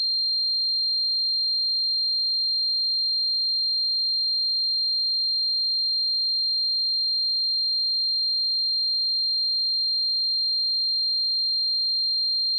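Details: Simulated tinnitus sound effect: a continuous, unchanging high-pitched ringing tone, imitating the ear ringing of tinnitus.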